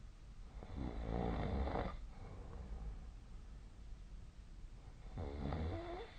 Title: 🐽 本日のイビキ / Snoring Sleep Sound 2025/01/28